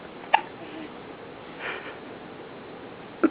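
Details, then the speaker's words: A person with hiccups: two brief, abrupt hiccup sounds about three seconds apart over steady room noise. "I'm sorry I'm late but had the hiccups um I would have been here on time had the hiccups"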